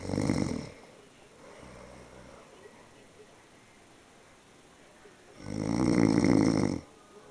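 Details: Snoring: two loud, rattling inhaled snores several seconds apart with a softer breath between, in a quiet room.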